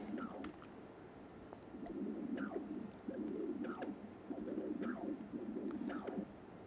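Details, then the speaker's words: Transthoracic echocardiography, pulsed-wave Doppler with the sample volume at the mitral leaflet tips, parallel to the LV long axis: rhythmic paired whooshing pulses, about 55–60 cycles a minute, showing E and A waves of mitral inflow for assessing diastolic filling. "still adapting so here you can see the e wave and the a wave that's and we are able to assess the uh diastolic feeling"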